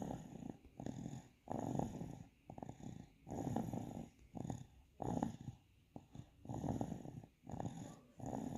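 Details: Sleeping baby snoring softly, with rattly, fast, slightly uneven sounds on each breath.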